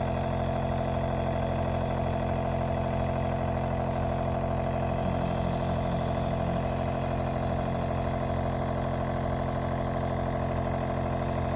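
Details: Baby being treated for sneezing with a compressor nebulizer: steady droning motor hum with a fast regular rattle; compressor nebulizer running.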